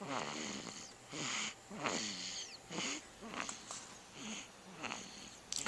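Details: Sleeping baby recorded with a Flip Video camcorder: rapid, repeated noisy breaths with a hissing, whistly edge, about one every second; snoring during sleep.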